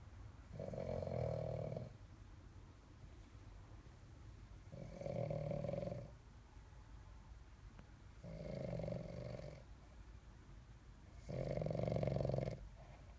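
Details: Four slow, regular rumbling snores with quiet pauses, about 18 breaths per minute; steady snoring during sleep.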